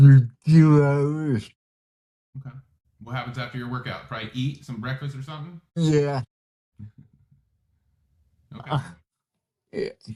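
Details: Adult speakers in conversation; typical speech.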